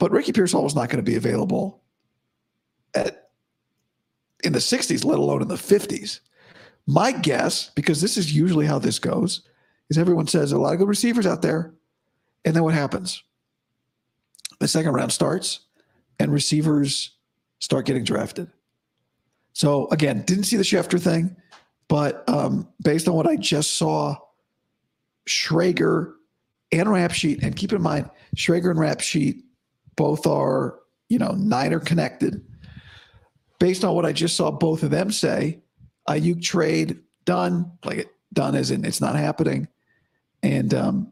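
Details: Adult man, about five to five and a half weeks after vocal fold surgery; he reports daily improvement, though today likely unchanged from yesterday after heavy voice use and no sleep. Dysphonia after vocal fold surgery.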